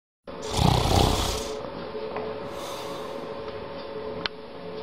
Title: Snoring Cat